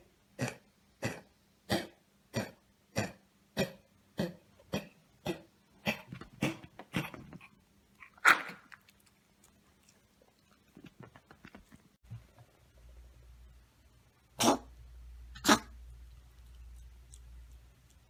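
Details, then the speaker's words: Dog with vet-diagnosed kennel cough, seen today: a rapid string of about a dozen deep, harsh, honking coughs followed by gagging, possibly bringing up white mucus; kennel cough. "she's got a little bit of cough it's actually kennel cough is what the vet diagnosed it as we took her in today you'll hear a pretty deep cough"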